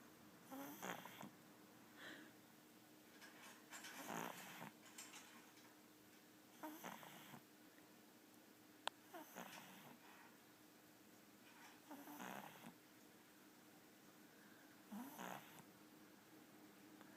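A sleeping small dog snores in a steady rhythm of rough, rattling breaths, about 20 a minute.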